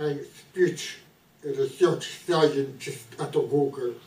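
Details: Researcher with ALS who has some speech issues, described as a severe speech impediment though not the most severe; dysarthria (ALS).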